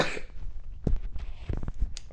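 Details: Cough during a Minecraft gameplay recording: several short, abrupt cough bursts in quick succession over steady room noise; a plain cough.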